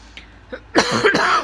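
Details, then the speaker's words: Person with a long-standing chronic cough who also has choking episodes, managed with cough drops and nighttime cough medicine: a short run of about three harsh coughs after a brief quiet lead-in. "I live with cough. Not just cough, choking. True story."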